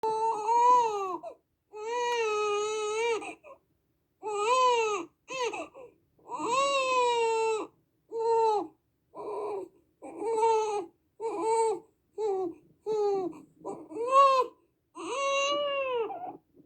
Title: Infant Crying Sound Effect